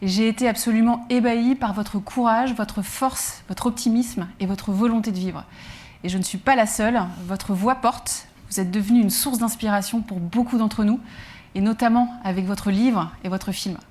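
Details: Adult woman speaking French; normal speech.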